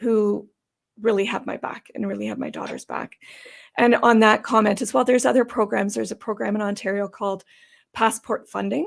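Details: Adult woman with idiopathic subglottic stenosis, an airway condition, for about 12–14 years, treated with repeated tracheal dilatations and surgeries; she attributes gravelly, gasping-for-breath sound to the surgeries. Dysphonia with noisy inhalation from subglottic stenosis.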